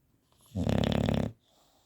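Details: A sleeping bulldog gives a single loud, rattling, fluttering snore on one breath, noisy short-nosed airflow; snoring.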